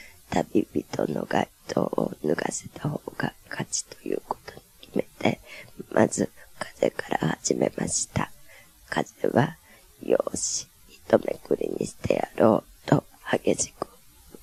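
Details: Adductor spasmodic dysphonia, recorded before botulinum toxin therapy as part of a pre- and post-treatment comparison in a Japanese clinical study.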